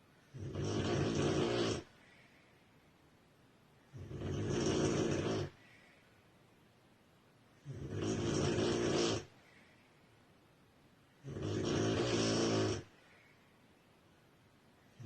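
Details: Woman or girl snoring: regular, loud, rough snores on each breath in, about 16 per minute, with quiet gaps between.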